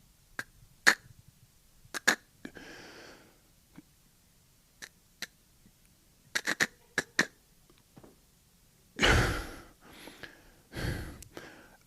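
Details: Imitated stuttering blocks: adult man demonstrating the severe stutter he developed in childhood, starting after a funeral, which lasted through his teens and college into his early twenties.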